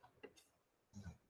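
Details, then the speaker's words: A pet dog snoring while napping at home: a brief, low, rumbling snort after a few faint clicks in a quiet room. "that's my dog snoring y'all if you hear it he's always it's it's nap time in the priolo household right now"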